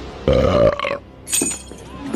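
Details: Loud, drawn-out, rumbling voiced belch replayed from My Little Pony cartoon footage (Twilight), followed by soft background sounds: a burp.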